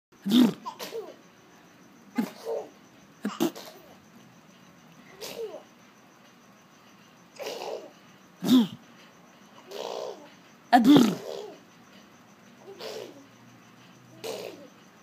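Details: Young child pretend sneezing, July 2014: about a dozen short, sharp sneeze-like bursts with quick intakes in a quiet room; imitation rather than real sneezing.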